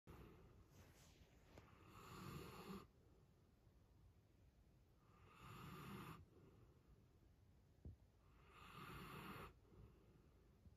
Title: My giant Alaskan malamute is snoring so loudly 코고는 대형견...